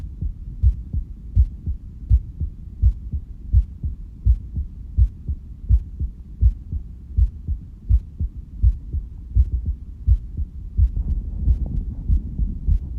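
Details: Heartbeat recorded alongside a visible stomach pulse after breath holding: regular low-pitched heartbeat thumps at about 83 beats a minute, steady throughout.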